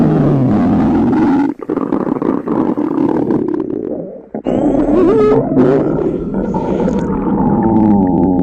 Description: This time, I asked the girls to go to the library on an empty stomach to read a book, set up a microphone near their stomach, and recorded the limit of hunger sound! !!